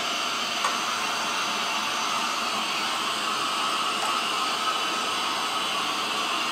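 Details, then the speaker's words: Simulated EMS airway-skills CPAP demonstration: a steady, loud rushing airflow from the CPAP unit at its lowest pressure setting, running before the mask is applied; the normal noise of continuous positive airway pressure treatment. "this is something that works really well it's going to be noisy and it's going to feel a little bit like sticking your head out of car window while you're driving"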